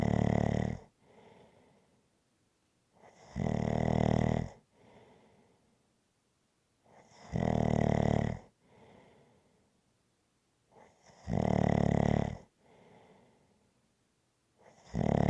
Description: ASMR Snoring Sounds. This is a 20 minute clip, followed by a long previously recorded clip.